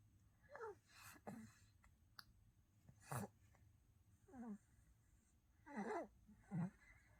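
Short snorting, rattly breaths about every second or two, heard as a sleeping baby's snoring.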